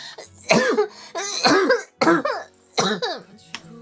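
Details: Four harsh, voiced, scratchy coughing bursts in quick succession from a young woman livestreamer who says her throat is in very bad condition and hurts.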